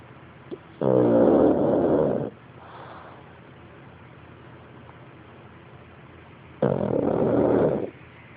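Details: Two loud, rattling snores on inhalation about six seconds apart, with quiet breathing between; ordinary snoring.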